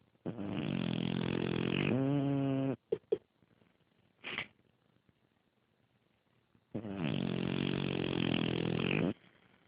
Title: Chewy Snoring